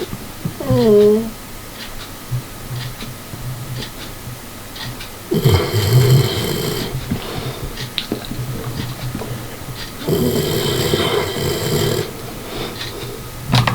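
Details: Dog snoring in sleep: two long, rumbling, rattly snores about five seconds apart, with a brief whine at the start.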